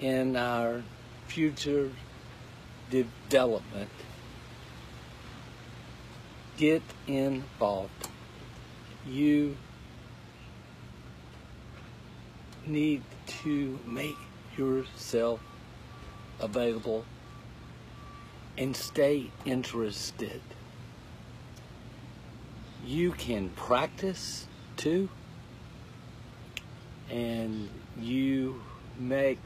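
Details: Aphasia in a man who could not talk at all eight weeks earlier, now in recovery; he says finding, forming and ordering each word takes all his effort.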